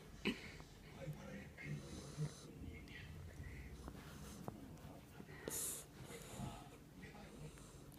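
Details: Female Jack Russell Terrier snoring while asleep: soft, irregular snorting snores with wheezy, whistling breaths; ordinary canine snoring.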